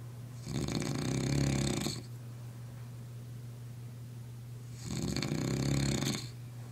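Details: Man snoring, with two loud, rough, rattling snores on inhalation and quiet pauses between them.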